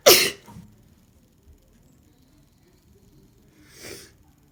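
One sharp, explosive sneeze, then quiet and a softer breathy burst a few seconds later: an ordinary sneeze.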